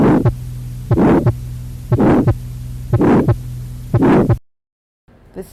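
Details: Systolic ejection murmur of tetralogy of Fallot: regular beats about 59 a minute with a harsh whooshing murmur filling each systole. In tetralogy, a louder murmur indicates less severe disease than a very short one.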